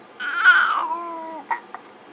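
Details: One-month-old baby boy with hiccups: a brief, fussy cry with a falling tone, followed by a small catch of breath; a short crying bout that the caregiver calls fake crying.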